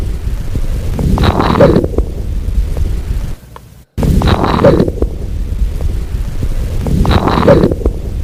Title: LATE-INSPIRATORY SQUEAK| BREATH SOUNDS | AUSCULTATION